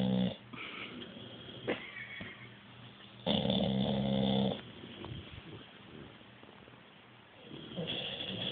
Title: American bulldog snoring